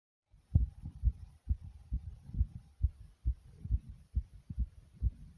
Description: My Heart was beating super fast here after doing some different exercises.